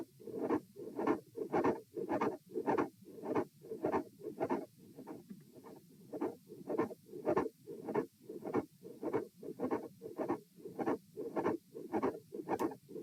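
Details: Heart sounds recorded at position A during a repeated auscultation stress test with posture changes, lying, sitting, standing, then lying again; mid-systolic click with fixed split S2.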